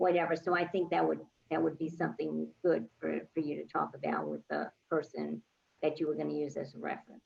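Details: Adult speaker; normal speech.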